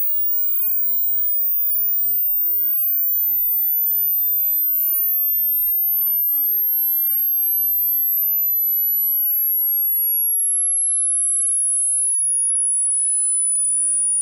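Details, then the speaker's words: High-frequency hearing test tone sweep: a pure, very high-pitched screeching tone sliding slowly in pitch; the listener presses the spacebar on hearing it to find their upper hearing limit. "so when you hear a noise like a screeching high noise you're gonna press the spacebar as soon as you hear it"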